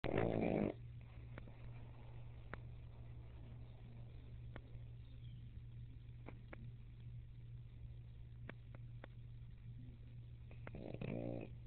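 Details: Sleeping pug gives two brief snorts with a steady low hum in between; snoring.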